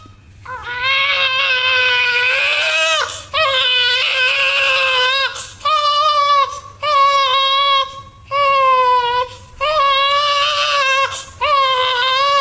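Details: Loud, high, rhythmic wails with brief breaths between, about six cries, from a newborn baby boy; vigorous newborn cry.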